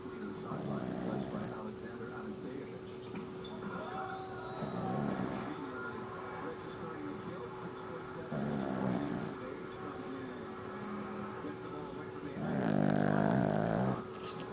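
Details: Rhythmic rattling snores from a sleeping Chihuahua, four breaths over about fifteen seconds, with a steady hum in the room; snoring.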